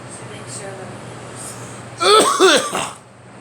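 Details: An adult coughing: after a quiet start, a short run of about three harsh, voiced coughs.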